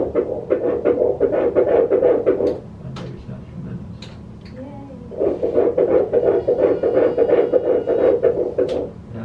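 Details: First-pregnancy-appointment ultrasound for a mother's third baby, early first trimester with yolk sac visible: rapid, regular whooshing pulses at about 170 a minute with a brief gap; a normal early fetal heartbeat.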